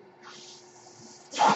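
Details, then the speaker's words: Adult man's own mechanical ventilator, heard while he speaks on a podcast: soft steady airflow hiss, then a sharp loud whoosh of air; mechanical ventilator noise. "My name is. That noise you hear is my ventilator."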